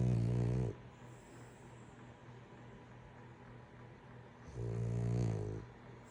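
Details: Snoring in a sleeping man: two loud, low, rattling snores with a pause of about four seconds between them.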